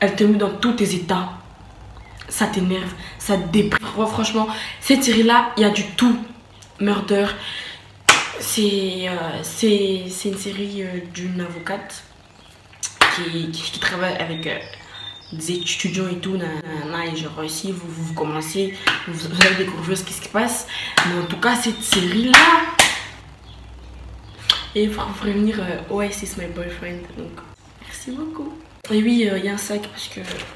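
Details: Stuttering in a French-speaking woman who says she stutters.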